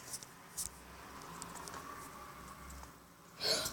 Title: I HAD HICCUPS #2